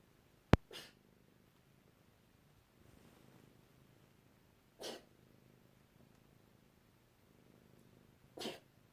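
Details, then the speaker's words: Cat coughing with something in its lungs, going on 2 to 3 minutes and winding down: three short, separated cough bursts with quieter breathing between them. "It's winding down now. It's much lighter than it was. There's something in our lungs."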